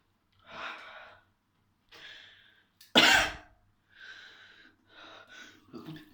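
A child's short series of breathy coughs, one loud sharp burst among softer ones, in a quiet room.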